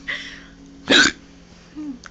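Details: A man hiccups when a certain spot on his chin is poked or rubbed: a single abrupt gulping hiccup against a quiet background, with a faint voiced sound afterward.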